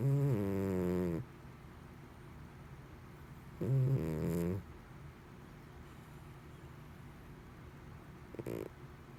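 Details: A sleeping cat gives loud, rumbling, human-like tonal snores with quiet pauses between, then a fainter snore near the end: snoring.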